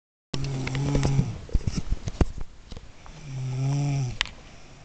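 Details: Cousin snoring while deeply asleep: two low, buzzing snores separated by snuffling and rustling noises.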